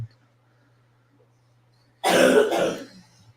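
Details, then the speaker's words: A single harsh adult cough of two quick bursts after quiet with a faint hum, with the whole household coughing for a month from an unidentified illness (possibly COVID): cough. "Every person in my household is coughing like crazy."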